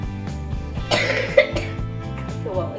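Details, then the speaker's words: Person repeatedly coughing while talking during a home baking video; coughing. "excuse me I didn't I didn't quite hear that because I was coughing too much"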